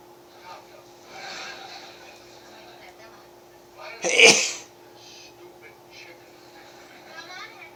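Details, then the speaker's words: Adult feeling dizzy, tired and cold, sneezing around 3 a.m., a single sharp sneeze over a quiet room with a steady background hum; sneeze. "These are late night sneezes. It's like 3 o'clock in the morning, and I didn't want to go to bed until I got this out of the way."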